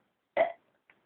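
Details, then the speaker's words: A single loud, voiced belch of about a quarter second, then a faint short sound, one of a counted series of deliberate burps done on a dare from his mom: burping. "l be showing you uh my burp today and my mom dared me to do this."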